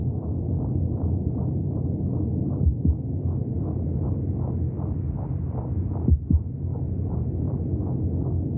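Fast, steady, muffled whooshing pulses heard through the womb, with a few knocks from movement; a fetal heartbeat.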